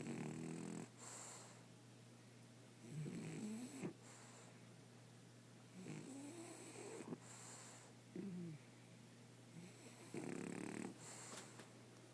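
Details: Nightly snoring on the eve of a nose operation and what is described as losing his manhood: rough, rattling inspiratory snores, about five in twelve seconds, with quieter breaths between and a low hum.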